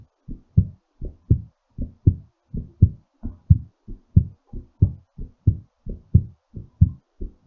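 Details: Strong, loud paired thumps at about 90 beats a minute, a brisk heartbeat recorded during recovery after exercise.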